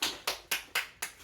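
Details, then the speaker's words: Involuntary clapping tic in an adult woman with Tourette's, 22q and dystonia, during a neurological episode after GTN spray, BP 95/68, heart rate 71: five quick, evenly spaced hand claps in just over a second. "We're now getting some neurological activity, which is where the clapping comes from."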